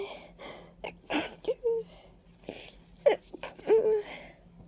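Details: Several wet, congested sneezes with gasping in-breaths and sniffles in a quiet room, in a person with stuffy, runny nose, watering eyes and a persistent tickle, attributed to ragweed and dust; allergic rhinitis sneezing.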